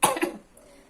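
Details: Two quick, forceful coughs in a simulated choking-management demonstration by a nursing student. The victim can still respond and cough effectively, which shows the airway is only partly blocked (partial choking).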